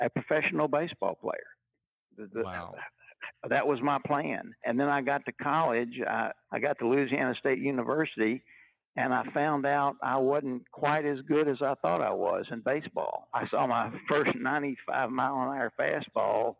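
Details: Stuttering in a retired adult man who has stuttered all his life, since he first began talking in childhood in the 1950s; stuttering.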